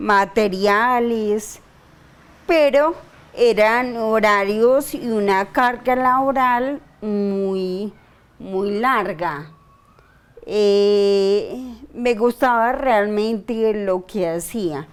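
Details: 42-year-old woman diagnosed 10 years ago with idiopathic cerebellar ataxia, having episodes of slurred speech (dysarthria) and doing daily speech therapy for involuntary tongue movement; ataxic dysarthria.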